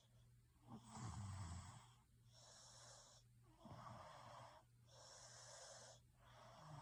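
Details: Quiet, faint recording of a low snore and breathy rushing breaths alternating with pauses; snoring during sleep.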